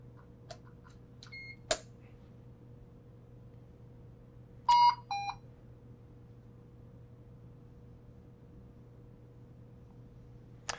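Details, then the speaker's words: Puritan Bennett 560 ventilator being switched on during circuit setup: a few short electronic beeps and clicks over a steady low hum, its normal power-up tones. "To help aid in that, I'm going to go ahead and turn the unit on."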